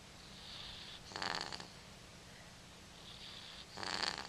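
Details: Cat snoring, recorded with a Flip Video camera: two rough, fluttering breath noises about two and a half seconds apart, each preceded by a soft hiss, over quiet room noise.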